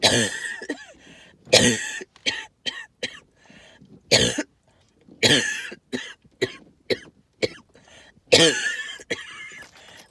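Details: Coughing with lots of wheezing, heard as repeated harsh hacking coughs and throat clearing with wheezy, noisy breaths between bursts, linked to tree pollen and mold spores.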